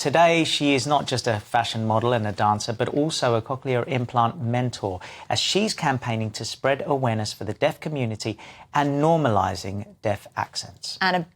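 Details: Adult narrator; normal speech.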